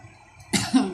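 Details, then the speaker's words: Adult woman, the uploader's mother, with a cold and cough for about a week, barely eating, being taken to a medical mission check-up: one short, rough cough trailing into a brief throaty sound. "Ayaw kumain eh. Papa-check up ko siya ngayon para ano malaman yung kung anong tamang gamot ba. Eh paubo-ubo pa siya"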